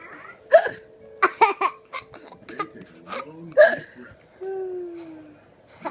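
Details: A baby boy suddenly cracks up laughing at a fake hiccup: sharp, sudden vocal catches mixed with giggling laughter and babbling.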